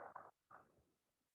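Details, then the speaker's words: Sedated dental implant surgery patient with airway held open by a CRNA's jaw thrust: short wet, rattling gurgles from blood in the throat: gurgling upper airway sound. "there was a little bit of gargle that was from blood but he sedated in my chair with his airway open"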